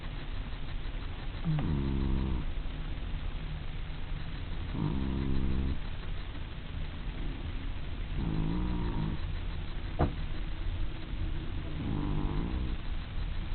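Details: Four slow, regular, low rumbling snores on the in-breath, each about a second long, three to four seconds apart, over room hum; snoring during sleep.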